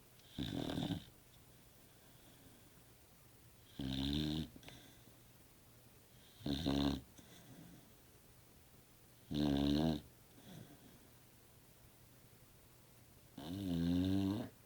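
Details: Staffordshire bull terrier (staffie) snoring while asleep: loud, rattling snores with each breath in a quiet room, about 20 a minute.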